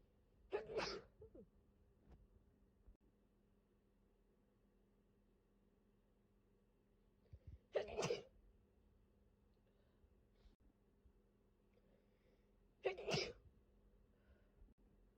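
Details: Person severely sick with COVID, first thought to be flu: three forceful sneezes about five seconds apart in a quiet room.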